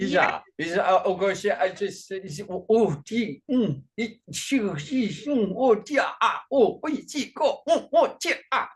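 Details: Adult male with functional neurological disorder and foreign accent syndrome, during a bout of gibberish speech; the accent has changed between types (today described as Chinese) since onset around 2019 alongside non-epileptic seizures, and is more jumbled with strong emotions.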